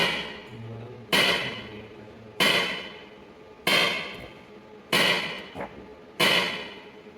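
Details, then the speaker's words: ESWL lithotripsy of a patient's left kidney stone, stone focused with C-arm, fluid-filled membrane transmitting vibration: sharp loud slapping clicks about 47 a minute, evenly spaced, like something breaking; lithotripter shock wave sounds. "सिर्फ ठकठक की आवाज है जो खतरनाक है और इससे लगता है कि जैसे थोड़ी से कुछ टूट रहे हैं।"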